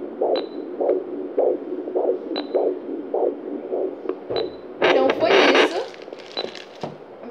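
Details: Fetal heartbeat at 36 weeks of pregnancy heard at home with handheld Doppler: rhythmic whooshing pulses with crackly bursts as probe moves.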